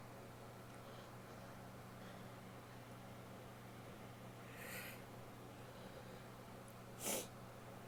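A soft breathy build-up, then one short, sharp sneeze burst over quiet room hum.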